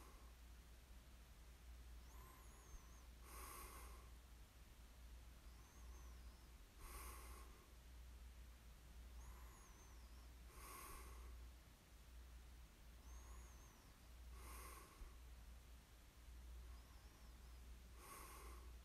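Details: Snoring ASMR recording of a sleeper: quiet, regular noisy breaths about every four seconds, roughly 16 a minute, with a low hum and faint background chirps, soft snoring.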